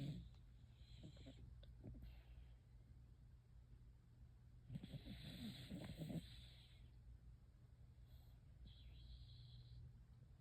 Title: What are you dreaming about with snoring? #dog #snoring